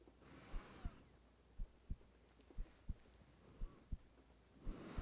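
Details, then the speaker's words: Normal resting heartbeat of a woman lying in bed, recorded for a sleep audio: soft, regular paired low thumps at about 57 beats a minute under steady rain. "You get to feel my heartbeat all night. I want to feel yours for a little."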